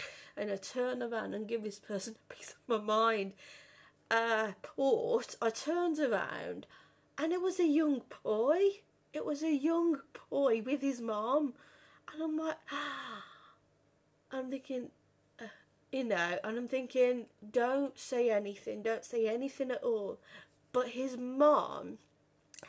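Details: Adult woman who has stammered since about age five or six; stammering.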